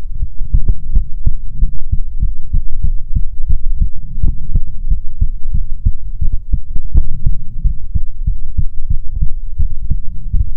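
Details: ASMR heartbeat recording: steady, deep, muffled heartbeat thumps at roughly 70–80 a minute with a low hum behind; normal heartbeat.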